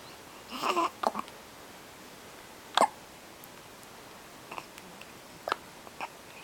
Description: This is with the hiccups. She sounds like a squeaky toy.